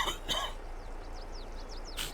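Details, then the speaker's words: Adult coughs twice quickly, then once more, while recovering from a week-long cold; dry cough with faint bird chirps in the background. "I do apologize if you can hear me cough. I've had a cold for the last week, so I'm trying to get over it."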